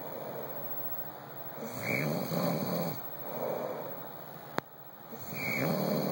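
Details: Adult man asleep, snoring and whistling: rhythmic snoring breaths about every two seconds, some ending in a short high whistle, first mistaken for the dogs.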